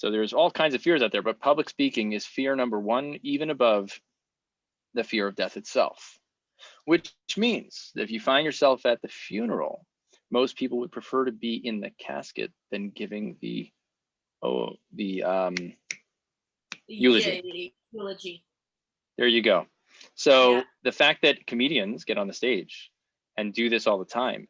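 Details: Stuttering in an adult woman whose stuttering began at age seven or eight; she also has dyslexia.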